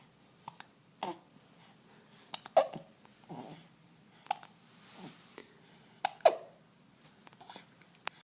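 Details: Boy with hiccups, his mother talking to him: short, sharp, irregularly spaced gulping catches, several over eight seconds, in a quiet room.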